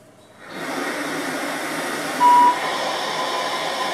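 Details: Home cough assist machine, used daily by its user to keep the lungs clear and avoid chest infection: steady rushing airflow with a brief tonal beep; one mechanical insufflation-exsufflation cycle.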